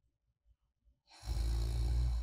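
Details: Snoring ASMR recording: a single soft, low, fluttering light snore on a breath lasting about a second, in a quiet room.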